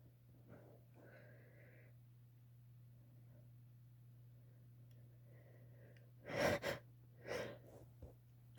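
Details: Female, induced wet sneezes: quiet breathy inhalations, then a sharp sneeze burst and a smaller follow-up sneeze over a low hum; sneezing.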